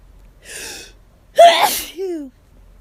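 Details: Person with hay fever, out of allergy medication, itchy and lightheaded, in a rapid, intense sneezing fit: a breathy in-breath, then one loud explosive sneeze with a voiced tail.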